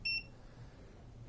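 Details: Single short high beep from the touch panel of an 8-chamber air compression pump for DVT/lymphedema, with the leg sleeve connected, as settings are changed (timer 24 minutes, pressure raised); then quiet room noise.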